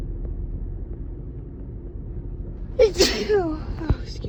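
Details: A woman's forceful, wet, tickly sneeze with a voiced tail over traffic rumble while running errands; she suspects allergy to something in a newly moved-to area; sneezing.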